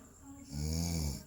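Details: A single low, rattling snore on an in-breath from a person asleep.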